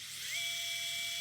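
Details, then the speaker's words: Electric dental handpiece (drill) running in a sound test comparing two new drills: high-pitched whine rising quickly to a steady tone as it spins up and runs. "Okay, not bad. Not great. I know we don't like the sound at all, but compare this to the other one and let me know which one I need to purchase."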